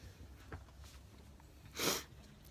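A few soft sniffs, then one short, sharp, hissy burst: a single sneeze.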